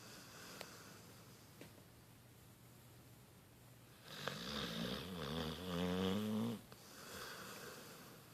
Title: talbot hound snoring